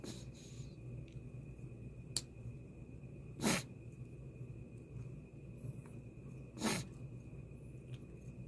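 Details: Dog on day 2 of a cough and nasal cold with fever, cough and runny nose despite antibiotics and cough/runny-nose medicine: two short, sharp nasal sneezes a few seconds apart in a quiet room.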